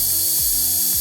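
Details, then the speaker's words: Surgical drill boring a femoral pilot hole over a pin during a mock ACL reconstruction on a bone model, not a real patient; loud buzzing motor with rattling, ratchet-like pulse and brief pitch drops. "all right so the first thing we do is use a pin here and through the knee we find the appropriate start point where that acl should start on that femur and we drill this pilot hole"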